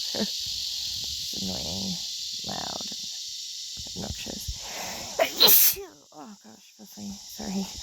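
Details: One loud, sharp sneeze recorded outdoors while camping in the Australian bush, with insect buzz and brief talk around it.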